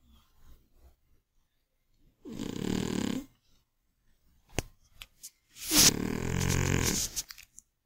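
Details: An old, chubby, sleeping Scottish Fold cat gives two loud, rough, fluttering snores about three seconds apart, with quieter breathing between them, in a small room.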